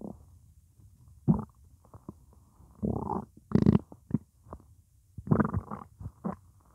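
Irregular gurgles, squeaks and low rumbles of gas and fluid moving through the gut, typical hunger growling, a normal sound.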